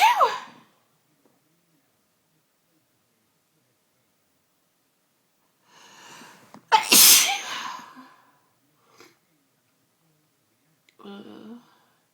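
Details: Sneezing bout on a Sunday evening, with sneezing that came on within the last hour: a loud, explosive sneeze preceded by an in-drawn breath, with quieter vocal sounds before and after.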